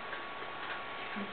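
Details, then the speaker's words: Fetal heartbeat on ultrasound of a baby girl in utero, played through the machine's speaker: rhythmic whooshing pulses. "You hear the heartbeat? Yeah, that's baby's heartbeat."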